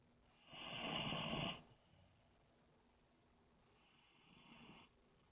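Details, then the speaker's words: Overweight man passed out drunk, snoring: a loud, harsh snore on one breath, then a fainter, higher whistling snore on the next; snoring in deep sleep. "That guy passed out drunk, snoring like crazy."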